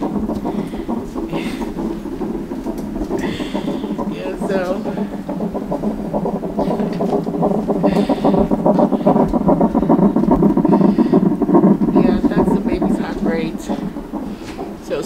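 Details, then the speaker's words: Fetal heartbeat on a monitor during labour, mother 4 cm dilated and fully effaced after oxytocin: rapid, regular whooshing pulses about 145 beats a minute, a normal fetal heart rate. "I don't know if you can hear, that's the baby's heartbeat. You can hear the noise."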